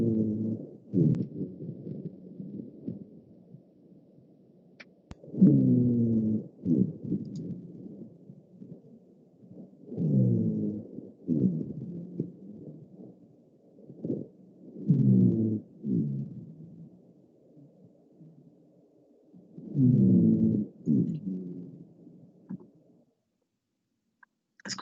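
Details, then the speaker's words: Lung auscultation teaching example: low-pitched, rumbling, snoring-like continuous sounds recur with each breath, about 12 breaths a minute, from air passing through narrowed airways: rhonchi. "si ustedes recuerdan en bcr esta estas vías aéreas se encontraban con una luz disminuida entonces el paso del aire producirá cierto cierto sonido característico"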